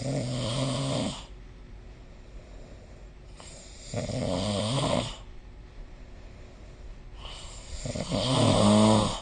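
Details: Sleep snoring recorded with the SnoreLab app: three loud rattling snores on breathing in, roughly 15 breaths per minute, with quiet breathing out between them.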